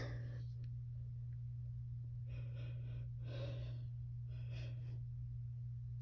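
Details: A 26-year-old woman in bed, high after smoking, takes three short, breathy gasping intakes building up to a sneeze, over a steady low electrical hum.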